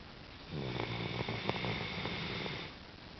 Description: Our little girl snores like a trooper.